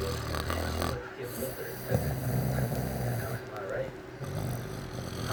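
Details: Low, rough, fluttering loud snoring over steady room noise from a 12-year-old Latino sleeping on his back with mouth open, recorded by his younger sister.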